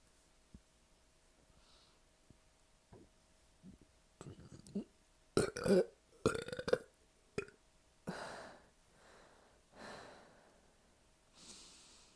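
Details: Series of loud, low, sometimes long drawn-out belches with quiet breaths between, in a small room, after a double quarter pounder, large fries and a liter of soda left a bloated belly; repeated burping.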